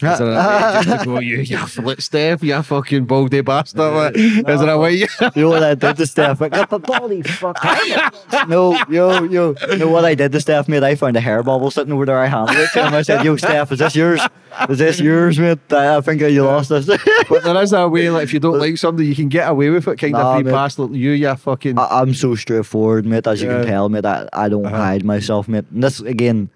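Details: Young adult man with Tourette syndrome; tics began at 16 as a shoulder tic, spread across the body, then vocal tics followed; involuntary blurted words and swearing interrupt speech, worse under stress and cameras; Tourette syndrome vocal tics.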